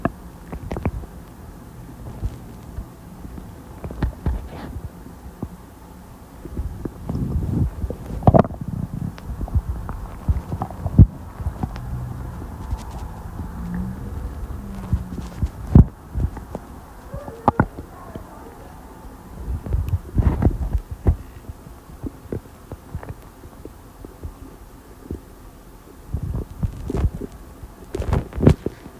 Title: Soda + lunch stomach noises